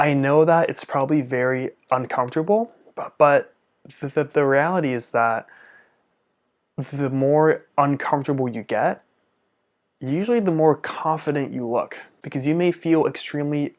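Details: Stuttering in an adult male speech-language pathologist who stutters, with upper-body jerks as secondary behaviours, co-occurring Tourette's syndrome with facial, jaw and neck tics, and a father who also stuttered.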